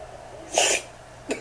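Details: A dog sneezing, filmed in slow motion: a single short, sharp nasal burst, then a faint second puff; sneeze.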